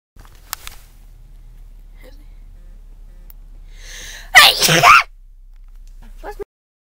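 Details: Unforced, spontaneous human sneeze: a quick breath in, then one loud, explosive, hissing sneeze in a quiet room.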